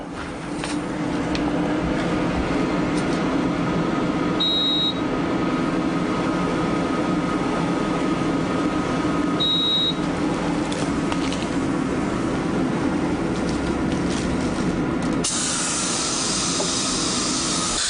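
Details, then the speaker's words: Steady room hum and suction noise with two short high beeps about five seconds apart as a dental curing light hardens bonded post and core build-up material in a root-canal-treated tooth; dental curing light beeps. "This is a post that anchors it to the tooth, and it's bonded in. We're going to harden that material with the laser."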